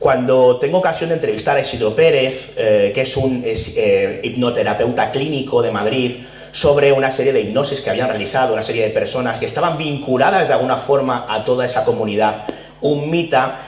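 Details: Adult male speaker; Normal speech.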